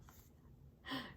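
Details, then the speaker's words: Father snoring in another room late at night, faintly heard: a low room rumble, then one short, rough snorting breath with a buzzing tone; a single snore. "저쪽 방에서 아빠가 코 고는 소리가 잠시 들렸습니다."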